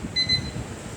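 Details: Two short high-pitched confirmation beeps over low room hum from a VH2600A respiratory humidifier, confirming non-invasive mode settings of airway and chamber temperature at 35 °C.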